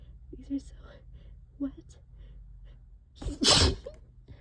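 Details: Allergy sneezing fit triggered by cleaning the trap, with sneezing continuing for another half hour: quiet gasping breaths build up, then one loud, wet, explosive sneeze.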